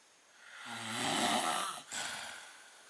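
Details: Adult man snoring in a hotel room at night, described as terrible and loud: one loud, rough, vibrating breath drawn in, then a breath out; a snore.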